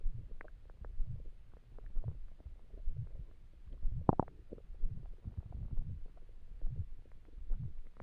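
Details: Stomach noises from an empty stomach while trying to sleep: quiet low gurgling and rumbling with occasional bubbling pops; ordinary hunger bowel sounds.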